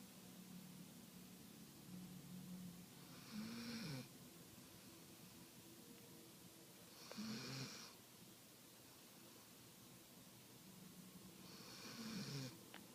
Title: My dog snoring